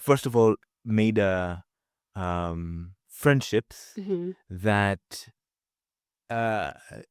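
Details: Adult man from Zanzibar who stutters, with repeated fillers and pauses in this stretch; stuttering.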